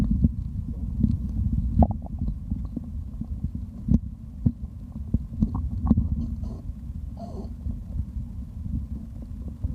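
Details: Stomach growling while drinking: low rumbling gurgles with scattered soft pops and bubbling over several seconds, normal bowel sounds recorded for ASMR.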